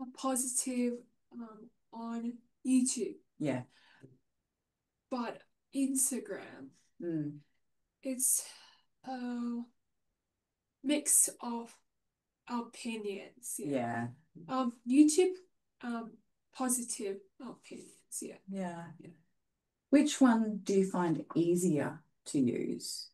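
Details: Man with aphasia following a stroke 6 years earlier, hospitalized for 6 months; reports difficulty speaking and has not read in six years; aphasia.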